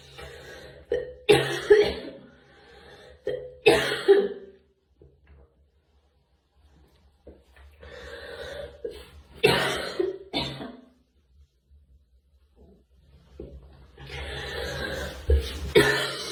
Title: Girl coughing 128